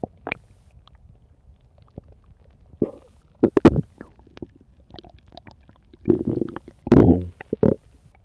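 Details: Irregular gurgles, squelches and low rumbling bursts from an adult's stomach: stomach growling (borborygmi).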